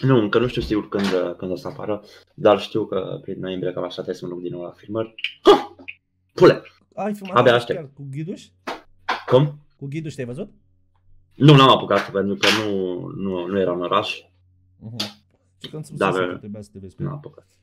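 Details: Adult man with Tourette syndrome, a comedian who performs on stage, speaking in a Romanian podcast interview with recurrent vocal tics such as 'psi', 'psam' and 'pa pa pa' interrupting his speech; vocal tics (Tourette syndrome).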